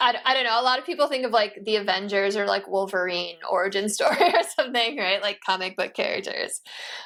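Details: Adult woman speaking; normal speech.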